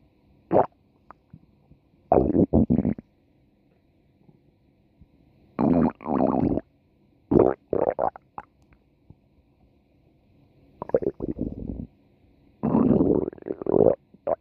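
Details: Stomach growling: bursts of gurgling, rumbling gut sounds separated by quiet gaps.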